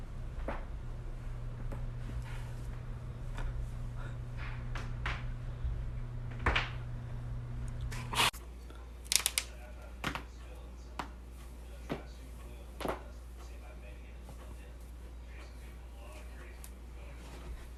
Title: cracking joints